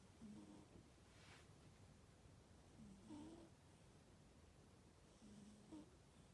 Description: Boo is sleeping on my thermal blanket and she’s snoring loud again! 🤣🤣🤣